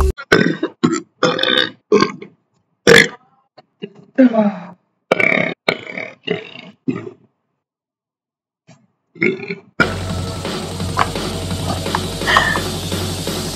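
A rapid run of about a dozen loud, throaty burps with brief pauses, then steady room noise: repeated belching.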